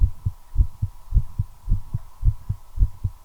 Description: My accelerating heartbeat during a smoke. Effect of nicotine.